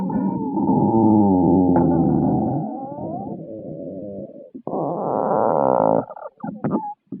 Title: stomach growling